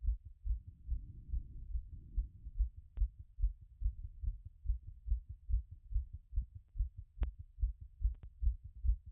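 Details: Strong, regular low heart thumps at roughly 140 a minute through a stethoscope after a workout, down from around 180, with a couple of faint clicks; heart sounds after exercise.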